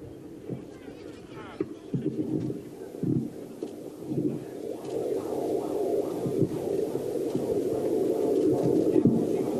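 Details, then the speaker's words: Fast rhythmic whooshing fetal heartbeat on Doppler, rate 128 per minute, called very healthy, from a mother's eighth pregnancy, over crowd noise: fetal heartbeat on Doppler. "Jakie mamy tętno? 128. Bardzo zdrowe tętno. Słychać bicie serca dziecka."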